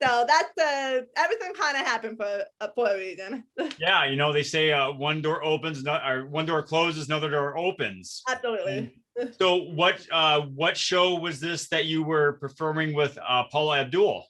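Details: Adult speakers in conversation; ordinary speech.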